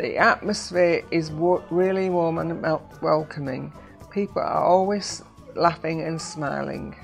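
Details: Adult speaker; Normal speech.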